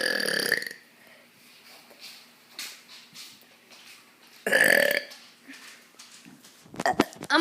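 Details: Two loud, drawn-out croaky burps separated by quieter sounds, then a rapid crackly burst: deliberate belching, a normal release of swallowed air.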